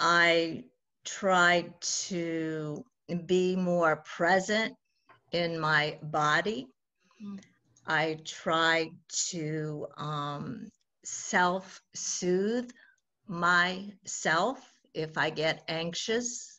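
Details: 68-year-old woman who has stuttered since childhood; stuttering.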